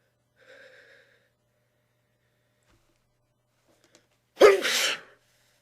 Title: Sneezing into tissues